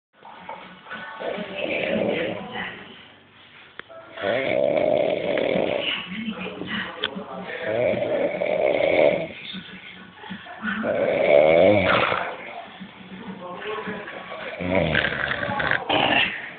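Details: Man snoring: loud, rough, rattling snores repeating with each breath, some with a musical buzz.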